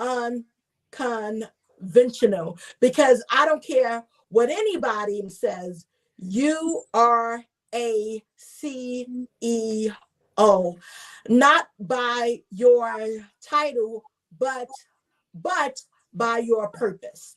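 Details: Adult woman, self-identified stutterer who reports getting stuck on words, also a traumatic brain injury survivor; word repetitions heard; stuttering.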